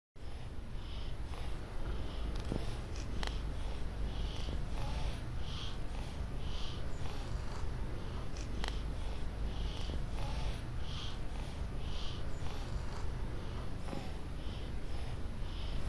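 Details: Labored breathing in a tortoise: repeated faint wheezy squeaks and snuffly breaths; dyspnea.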